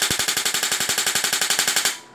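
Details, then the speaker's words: SW7 shockwave therapy (ESWT) machine for cellulite treatment, with adjustable impact intensity and frequency, running a set sequence: rapid, regular sharp clacking impacts, about twelve per second for two seconds, then stopping. "a gente controla então a intensidade do impacto ea freqüência da partida não posso a gente vai usar uma seqüência"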